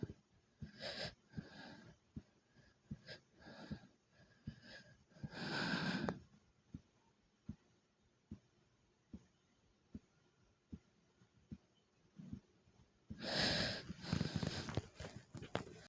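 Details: Regular sharp, fast heart thumps with occasional loud, rushing breaths after 30 jumps in place; heavy breathing and a fast heartbeat as a normal response to exertion.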